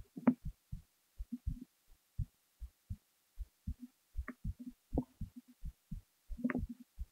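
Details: Heartbeat recorded while the person was falling asleep: soft paired low thumps at about 85 a minute with occasional rustling on top.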